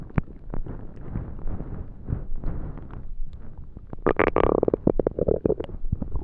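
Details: Rumbling, gurgling stomach noises building into a loud growl near the end from an extremely hungry stomach; ordinary hunger bowel sounds (borborygmi).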